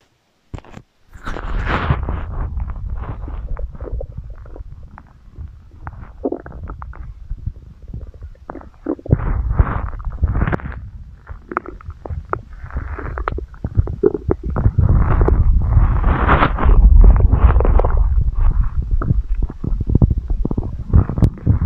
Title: Stomach growling | 2022-09-17 | ASMR